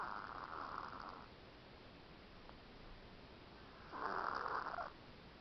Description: having a stuffy nose, snores as she snoozes